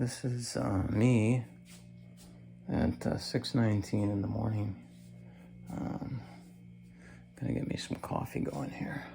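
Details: Adult man with cancer and a bile duct stent that his doctor says needs clearing more often; weak, creaky voice, which he attributes to lack of strength, especially in the morning.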